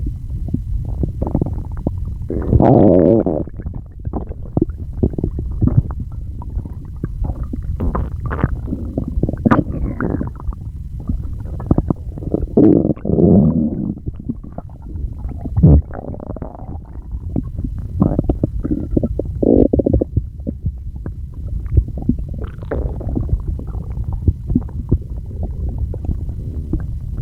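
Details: Continuous gurgling, rumbling and squeaky bubbling stomach noises that the person says they cannot control: active bowel sounds, borborygmi (stomach growling).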